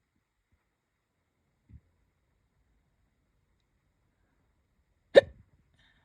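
A faint catch followed a few seconds later by a single sharp hiccup in a quiet room.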